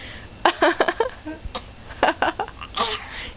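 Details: A young child gives strings of short, light, deliberate coughs in playful clusters, imitating mom; fake voluntary cough.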